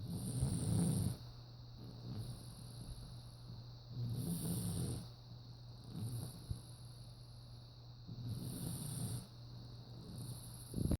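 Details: Snoring: low, soft snoring rumbles about every three seconds over a steady background hum.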